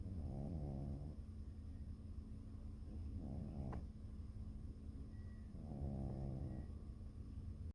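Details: Ginger cat napping: soft, low, rumbling breaths repeating a few times over a steady background hum; snoring during sleep.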